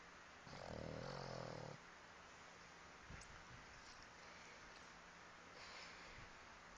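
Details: One low, rattling inward snore lasting over a second, followed by quiet breathing against steady room noise; a snore during sleep.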